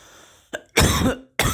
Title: I hotbox my garage and cough like a little bitch